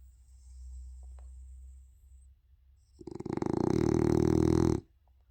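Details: French Bulldog snoring loudly like an old man: a low rumbling breath, then a loud harsh fluttering snore lasting almost two seconds.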